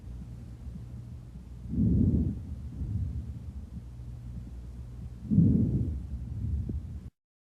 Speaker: vesicular wrong sound it is a soft low pitched sound inspiratory sound is greater than the expiratory sound heard or most of the lungs